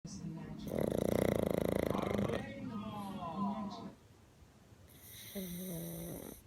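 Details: Pug dog snoring loudly: rattling snore with whistling, snorting breaths in and out.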